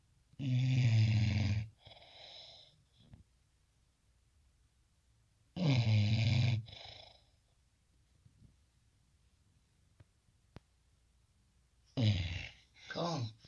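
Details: Sleeping bulldog snoring: loud, rough inspiratory snores with quieter out-breaths roughly every 5–6 seconds.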